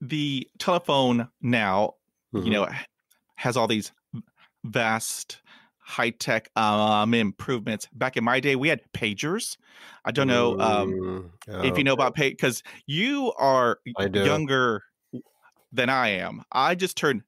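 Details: Adult male who stutters and hid his stuttering for about 35 years; stuttering.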